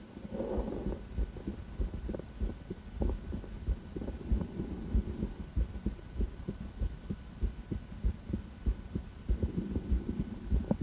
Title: Female heart, auscultation, heart-tour